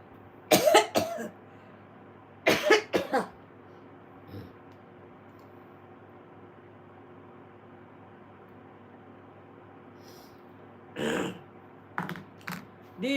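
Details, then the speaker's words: Several short, harsh, non-productive cough bursts in two clusters with fainter ones later over room hum; an adult says it is just a dry cough, not illness. "Are you getting sick? No man, I just took a dry cough."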